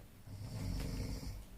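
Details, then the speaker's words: A sleeping male roommate gives one low, rattling snore. "one of my roommate is sleeping and he's snoring"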